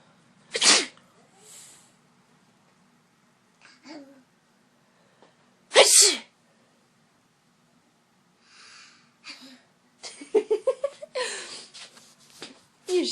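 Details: Child deliberately fake-sneezing on request while looking at the adult: two sharp, forced pretend sneeze bursts, then brief child vocal sounds and a short adult voice; simulated sneezing.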